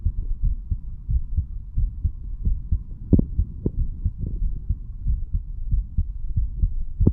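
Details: Self-recorded stethoscope heart sounds of a standing 35-year-old man over mitral, tricuspid, pulmonary, aortic and right ventricular areas: low muffled thumps about 92 a minute with chest-piece rubbing; normal.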